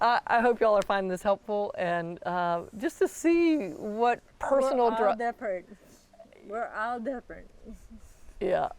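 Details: Adult woman speaking, possibly with a brief second voice; typical speech.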